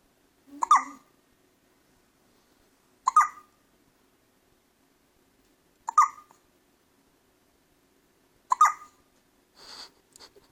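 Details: Baby with hiccups after a big feed: four brief, sharp catches at steady spacing, about 23 a minute, with a small rustle at the end.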